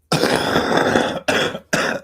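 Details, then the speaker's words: An adult who reports a mild fever and a cough gives one long, rough throat clearing, then two short, harsh coughs, described as sounding bad and audible. "Yeah, I have like a little bit of a fever today and like a little bit of a cough."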